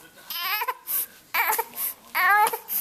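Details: About 3-month-old baby girl with hiccups: three rhythmic bursts of high-pitched crying with short catch breaths between them; infant cry.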